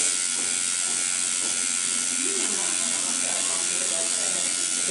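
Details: In-office RejuvaPen microneedling pigmentation procedure for unwanted coloration and scarring on a woman, with growth factor infused during treatment: a steady high-pitched electric buzzing of the microneedling pen running continuously, with faint background voices.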